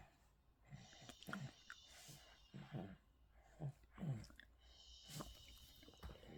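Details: Baby snoring during the last daytime nap, put to sleep by the father in a baby carrier: repeated low, rough snoring sounds with each breath, quiet room noise between.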